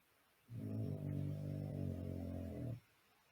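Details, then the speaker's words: Snoring heard during a workshop exercise, jokingly linked to "snoozing on fun and entertainment"; snoring. "can hear sugar snoring so maybe you've been snoozing on the fun and entertainment"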